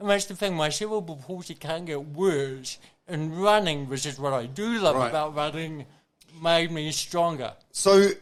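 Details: Adult man with cerebral palsy present from birth, a brain injury from oxygen loss to the brain during birth; he reports his thinking is intact; dysarthria (cerebral palsy).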